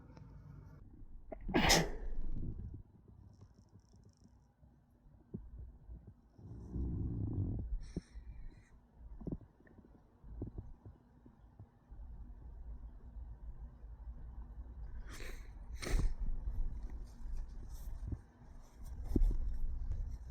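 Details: Several sharp sneeze bursts, one early and a pair later, separated by sniffs and low room noise, from a compilation of sneezing while sick.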